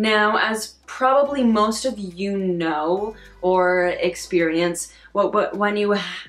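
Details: Adult woman who stutters, with stated difficulty on words she can't change and on vowel sounds, and social anxiety; stuttering.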